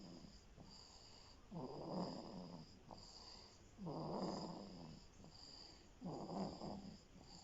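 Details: Sleeping elf snoring: soft, rattling snores on each breath, about three every seven seconds, over faint steady room noise; snoring.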